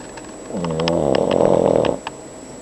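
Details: A single drawn-out rattling snore lasting about a second and a half; snoring.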